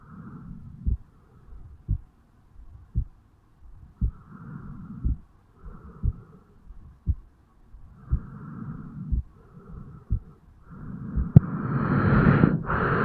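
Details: Own heartbeat of a 35-year-old man recorded at the mitral (bicuspid) valve area on waking in the morning: regular low thuds at about 60 a minute with soft rumbling between beats, ending in handling rustle; heart sounds.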